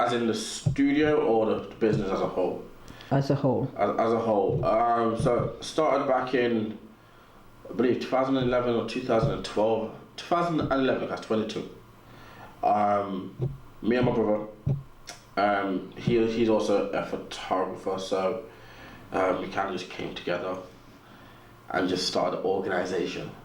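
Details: Adult man with a natural stutter, audible in his speech, which he has learned to work with; stuttering.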